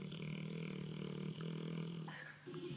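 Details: Sleeping, dreaming dog: deep, rumbling, grunting breath noise, continuous through the clip with one brief pause; snoring.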